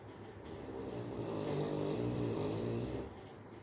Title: Snoring Rottweiler